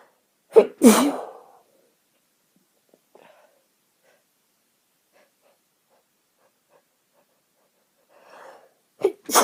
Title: Chhinikni sneezing fit (f)